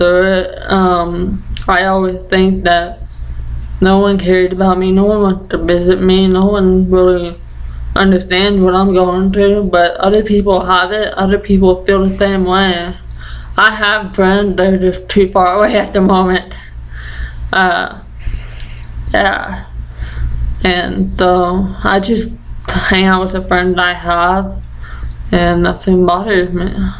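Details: Deaf 20-year-old woman with Usher syndrome and an ataxia she says affects the basal ganglia, present since childhood: deaf speech with ataxic features.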